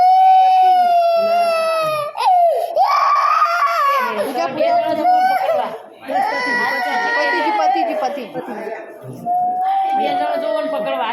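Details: Baby girl's first injection, blood drawn: loud, high, sustained wailing with sobbing catches; infant crying in pain and distress after the needle stick.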